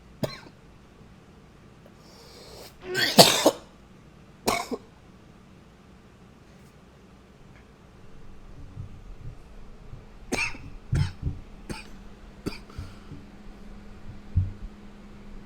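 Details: Coughing recorded with a new high-fidelity microphone: about ten scattered single coughs and throat clearing, with a loud nose blow over quiet room hum.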